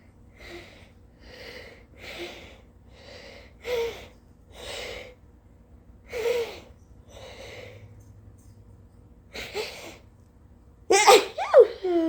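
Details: Repeated early-morning sneezing fit: about nine sharp sneeze-like bursts with breaths between, ending in a loud burst, from an exhausted person with a very snotty nose.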